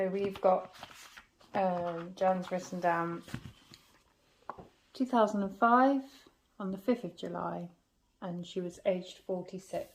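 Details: Adult woman speaking; normal speech.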